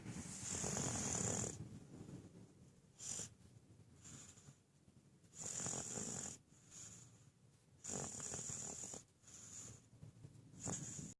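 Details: Baby sleeping in a car: hissy, rattling breaths recurring about every two seconds over car road noise; snoring.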